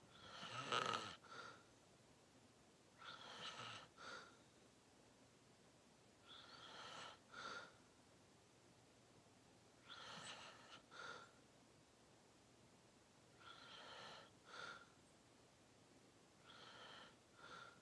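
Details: Snoring during a long nap: soft, breathy snores on each breath, roughly 20 a minute, each in two parts with a quiet pause, a light snoring pattern.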